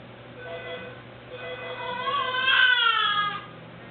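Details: A newborn baby 45 minutes old gives short, thin, rising cries that build into a louder wail and fade, a typical early newborn cry.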